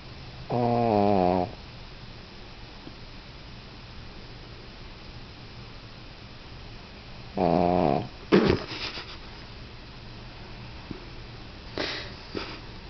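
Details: Dog snoring: two drawn-out, buzzing, rattly snores several seconds apart, with a few snorts and rustles in between, over steady background hiss.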